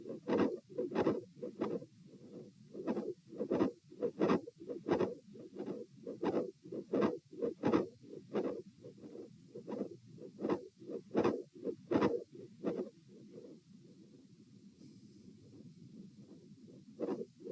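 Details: Mid-systolic click with split S2, recorded at position A during an auscultation stress test (lying, sitting, standing, lying): repeating beats with a sharp extra click and a doubled second sound.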